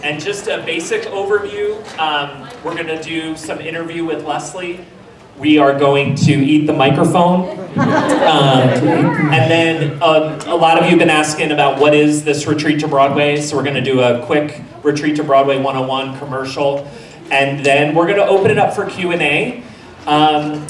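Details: Adult man; normal voice.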